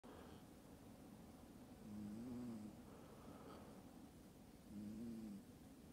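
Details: Quiet snoring in a sleeping cat, softer than an American Shorthair's: two soft, low, droning snores about three seconds apart over faint room noise.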